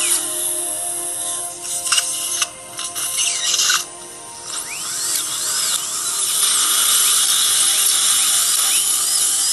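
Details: Surgical drill with water irrigation cutting bone to make a gutter around an impacted lower left third molar during surgical extraction in a female patient: a high-pitched whine with faint clinic background sounds.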